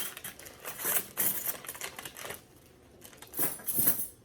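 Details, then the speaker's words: Crisp crinkling and tearing of packaging with metal clinks as a jewel pack of surgical instruments is opened from an instrument wrap during a surgical instrument setup skills demonstration. "So, usually in a instrument wrap, you will have what's called a jewel pack of instruments and you can open this"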